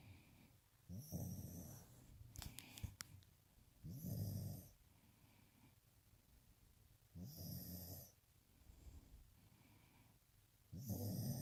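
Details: Puppy sleeping upside down after a long day, snoring: soft rhythmic snores about one every three seconds, with a faint whistling tone on each breath.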